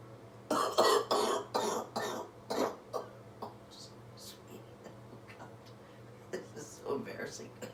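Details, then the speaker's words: Female surgeon with COVID-19, day 19, on antibiotics including Augmentin, lying on her back after chest percussion, doing breathing exercises to clear mucus; a burst of several wet rattly coughs, then quieter breathing and throat sounds; productive cough. "so anyway I even laying on my back I can get stuff up and then I would go to my side"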